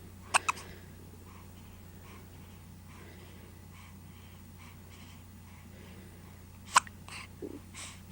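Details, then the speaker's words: Baby hiccups: two sharp, brief clicking catches near the start and another about six seconds later against quiet room hum; hiccups. "Say hello, I have the hiccups."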